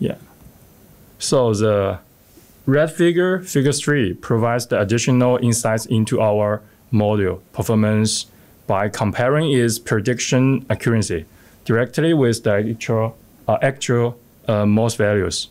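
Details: Adult male speaker; Normal speech.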